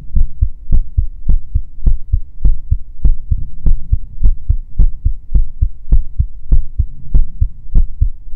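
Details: Steady paired low thumps at about 100 a minute over a soft hum; a regular, normal heartbeat in a heartbeat ASMR recording.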